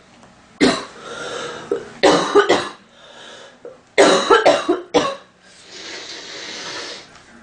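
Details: Female coughing sound-effect recording: several clusters of harsh, dry coughs, roughly ten bursts in total, with short breaths and a throat clear between them.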